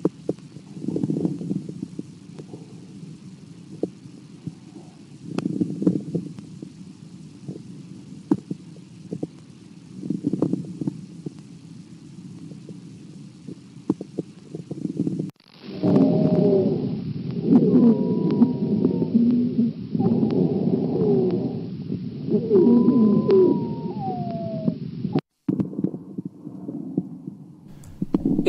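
Chest recording: rough breath sounds with scattered clicks, then musical whistling wheezes over loud breathing.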